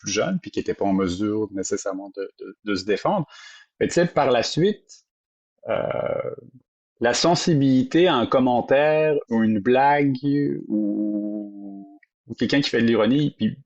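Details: Adult who stutters, speaking French, real stuttering. Finding: stuttering.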